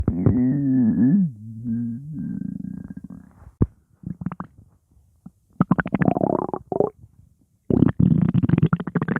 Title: Stomach Growling